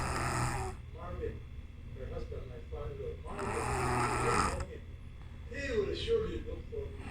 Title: sound asleep! new level of snore